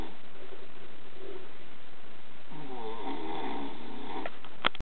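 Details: Snoring: a low, rumbling, vibrating breath sound with a sharp noise at the end; the person recorded denies it is them.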